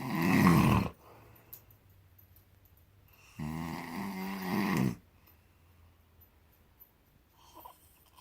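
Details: Loud, rough, rattling snoring, two snores a few seconds apart with quiet pauses between, loud enough to be heard from the living room; snoring during sleep, recorded 10/9/18.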